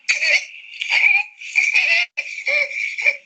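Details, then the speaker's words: Neonate with a laryngeal disorder: harsh, high-pitched noisy breathing on both inspiration and expiration, indicating obstruction at or below vocal cord level or fixed obstruction. Finding: biphasic stridor. "this is a biphasic slider so we told you that ending in the vocal cord level and below your producer biphasic strangle"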